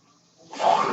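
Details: Noise from the speaker's own mechanical ventilator, heard in the background while he introduces his podcast.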